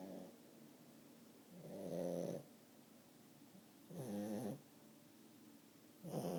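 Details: 10-month-old female French bulldog snoring loudly.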